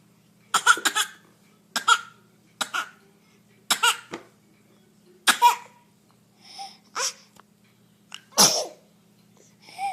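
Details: A child gives a run of about eight harsh, explosive coughs, some in quick pairs, with softer breaths between and a low steady hum behind; described as a terrible cough.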